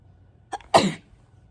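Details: Sneeze: a brief intake of breath followed by one sharp, explosive sneeze.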